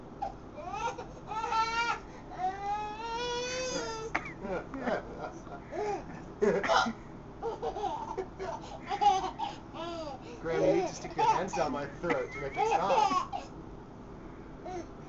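Rising and falling wails broken up by short sobbing gasps, with adult voices nearby: an infant crying.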